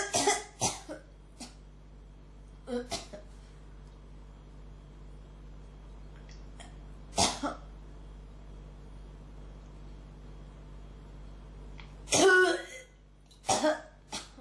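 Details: Repeated dry, hacking coughs and throat clearing in bursts with quiet gaps, from a person with a cough that won't stop who says it is really irritating the throat; persistent unproductive cough.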